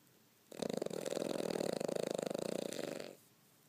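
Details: Snoring: one long, rapidly fluttering snore of about two and a half seconds on a single inhalation, with a rattly buzz from the throat.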